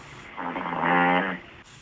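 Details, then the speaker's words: Viewer-submitted phone recording of a loved one snoring at night: a single short, buzzing snore with no pause in breathing; a hospital doctor was not concerned and saw no clear sign of apnea. "YOU PEOPLE ARE UP LATE AT NIGHT. ANNOYED WITH LOVED ONES WHO SOUND LIKE THIS."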